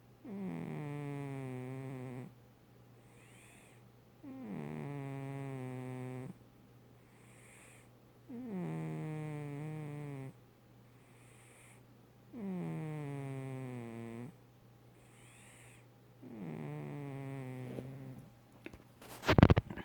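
Five long, even, low rumbling snores about every four seconds, roughly 15 breaths a minute, with quiet pauses between; steady cat snoring.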